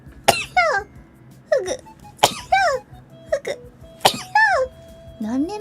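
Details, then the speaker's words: Streamer sneezing repeatedly and unable to stop: three sharp, explosive sneezes in quick succession, each trailing into a voiced sound, over faint background music. "え、誰か噂した?めっちゃくしゃみした。止まらない。"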